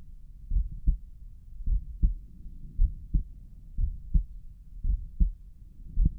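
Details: Adult's own heartbeat heard at Erb's point while the heart was pounding hard: steady paired low thumps at about 55 beats a minute.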